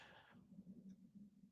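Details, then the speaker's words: Stomach growling (borborygmi) in an adult man picked up on a microphone while he talks about fasting: a low, wavering gurgling hunger rumble, like not having eaten all day. "I just wanted to, y'all hear my stomach growling? That's crazy. That's like when you ain't ate nothing all day."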